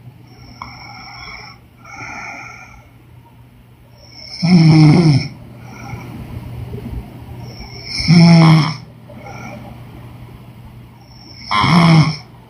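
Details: Woman snoring in sleep: three loud, rough snores on inhaling, with quieter breathing between; slow breathing, roughly 17 breaths a minute.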